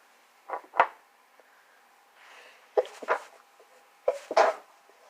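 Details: Person with a cold, sore nose and throat and minimal coughing: sneezing fit of three quick paired bursts, each with a short intake before an explosive release, in a quiet room.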